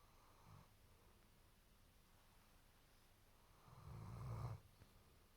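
A quiet low rumble is followed by one loud, rough low snore on the in-breath, with room quiet between. This is ordinary dog snoring.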